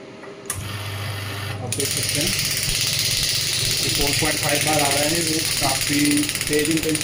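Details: Biotronix clinical pneumatic radial shockwave therapy device, energy range 5 to 12 bar: rapid loud mechanical rattling pulses like a small jackhammer under a man's voice.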